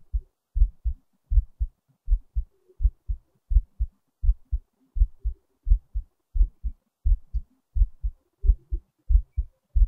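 Regular low lub-dub thumps at about 85 beats a minute, a steady heartbeat.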